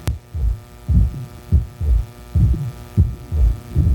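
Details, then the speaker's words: Child's heart: regular heart sounds with a soft, short, vibratory musical midsystolic murmur heard at the apex or lower left sternal border, between beats; innocent Still's murmur. "Cuál es el más común de todos el soplo de Steel hasta un 60 por vibratorio musical de características ectivas es corto en mesosistema en el ápex o izquierdo inferior"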